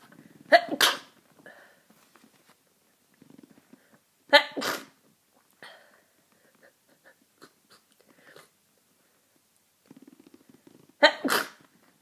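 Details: Person with a cold: three powerful, forceful sneezes, each preceded by a sharp inward breath, spaced a few seconds apart. Sneezing fit.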